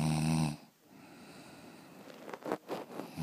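A loud, rough, buzzing snore at the start, then a quiet pause and softer noisy breaths. Snoring.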